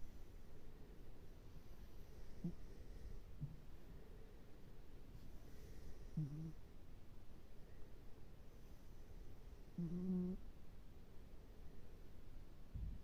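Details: Sleeping cat snoring softly with low snuffling snores and occasional short snorts, likened to a hedgehog.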